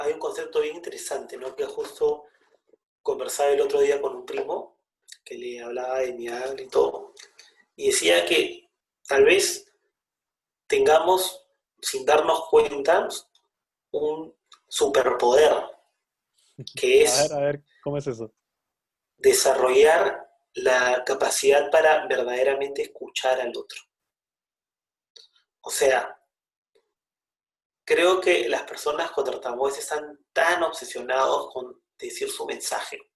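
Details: Stuttering in an adult who stutters, one of two adults who stutter in a Spanish podcast conversation.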